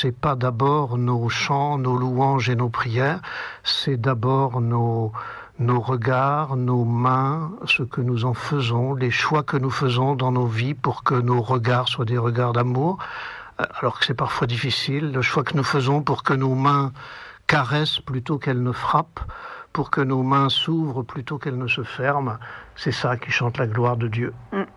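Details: Adult male speaker; no voice disorder.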